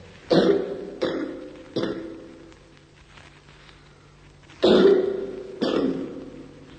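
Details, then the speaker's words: Wet cough of simple bronchitis from a cold: five loose, rattling coughs in two groups, easily told apart by ear from the dry unproductive cough of bronchial carcinoma. "È facile distinguere con l'ascolto questa forma di tosse dalla tosse umida nella semplice bronchite da raffreddamento."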